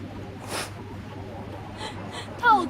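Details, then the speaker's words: Sneeze from a young Chinese woman with a cold, with allergy also suggested, during a livestream on a hot day: a sharp breath in, then one short voiced sneeze burst, with faint room noise. "我感冒了。啊，这么热的天。我又想打喷嚏。"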